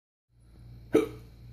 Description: After a night of drinking I got the hiccups & tried a spoon full of sugar to cure myself